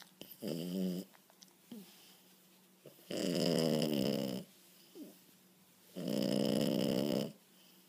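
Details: French Bulldog puppy asleep on the couch, snoring loudly: rattling, buzzing snores on each in-breath, three in eight seconds, with quiet pauses between; snoring.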